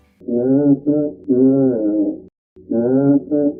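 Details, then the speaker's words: Chest auscultation for vocal resonance: spoken 'ninety-nine' transmitted loudly and clearly, sounding near the stethoscope earpiece. Bronchophony, suggesting sound travelling through fluid or consolidation. "when the sound appears to be near the earpiece of the stethoscope known as bronchophony suggests that the sound is traveling through a mass of fluid"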